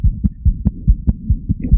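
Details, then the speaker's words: Patent ductus arteriosus murmur in a newborn: a rapid heartbeat near 140 a minute with a continuous low, rumbling murmur between beats, from newborn-examination app audio. "Here we've got some audio of a patent ductus arteriosus."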